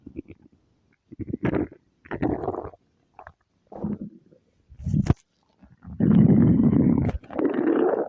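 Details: Loud, drawn-out rumbling growls in several bursts with quiet gaps, ending in long groaning rumbles; ordinary stomach growling (borborygmi).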